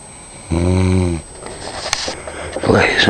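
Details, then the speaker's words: Adult wife snoring while asleep in bed, secretly recorded by her husband around 4:10 a.m.: one loud, low buzzing snore followed by quieter breathing and room noise; ordinary snoring. "gentlemen this was a first that wasn't the best white snore yet and I will capture better"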